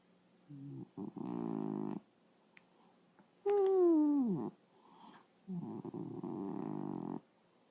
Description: Duke is sleeping but he is snoring.